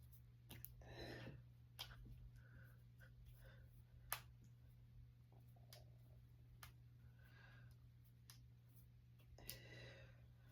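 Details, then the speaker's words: Faint, scattered sharp clicks and pops over a low steady room hum as fingers and knuckles are deliberately cracked; voluntary knuckle cracking. "want to crack my fingers because I want to and it feels good."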